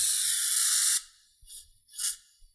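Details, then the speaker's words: Wall suction for airway suctioning during intubation, set to continuous (not intermittent) at full power: a loud steady hiss that cuts off, then brief puffs of airflow as the power knob is turned. "when you're suctioning an airway and you don't know what's going to be in it you want that suction on full blast"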